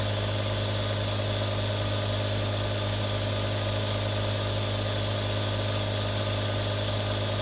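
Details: Real recording of three different nebulizers running: a steady, unbroken motor hum with a hissing airflow layer from the nebulizer compressor running continuously.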